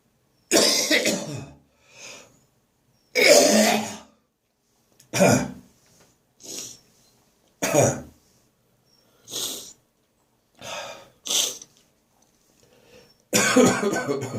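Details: Persistent morning cough that has not gone away: about eight harsh coughs and gagging bursts, some loud and some softer, with quiet gaps. A passing car engine is audible midway.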